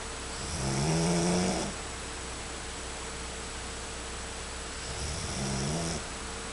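Two rumbling snores about four seconds apart, over a steady background hum; ordinary snoring during sleep.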